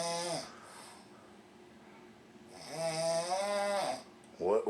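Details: Adult male sleeping at about noon, drawn-out voiced snoring sounds with buzzing tone separated by quiet breathing; snoring.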